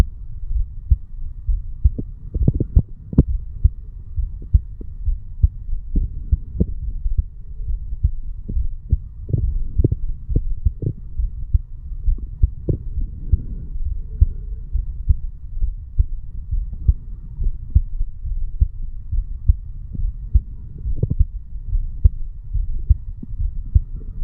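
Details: Normal heart sounds of a 35-year-old male sitting on stairs, recorded at the mitral (bicuspid) valve area: steady low thumps at about 67 beats a minute with a faint hum behind them.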